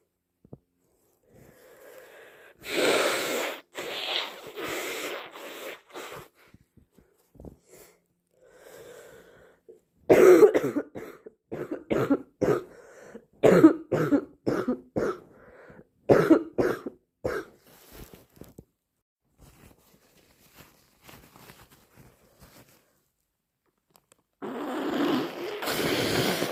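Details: Person with a heavy common cold in the morning: wet, congested nose blowing and sniffing with a run of short coughs.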